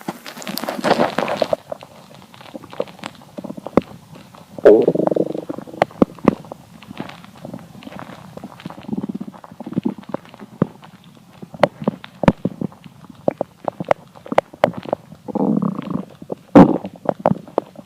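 Low gurgling rumbles and scattered clicks and pops from an empty stomach, typical hunger borborygmi.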